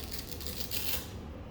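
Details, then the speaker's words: Chronic cough for months despite antitussives, nebulizations and corticosteroids, with progressive dyspnea and tachypnea: dense, dry, fine, diffuse inspiratory crackles like velcro pulling apart, heard from apex to base on the left side, over a faint room hum. Fine inspiratory velcro crackles. "Ese ruido que hace este scratch es el ruido de despegamiento forzado de los alveolos que intentan distenderse. Distentores inspiratorios secos, finos, difusos, de vértice a base, tanto en el lado izquierdo"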